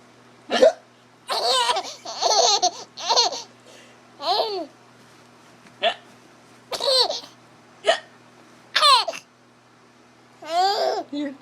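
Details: Infant hiccups: a baby's bright, jerky laughing bursts repeat about every second, with hiccup-like catches mixed in.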